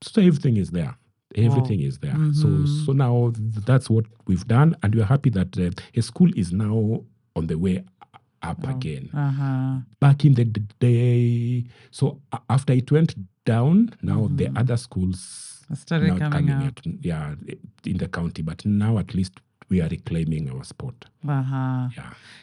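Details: Adult man with stammering he describes as genetic, inherited from his mother, at times acute; word and part-phrase repetitions heard; stuttering.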